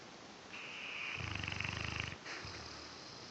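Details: A single fluttering, rattling snore on an in-breath, followed by a quieter breath out; ordinary snoring during sleep.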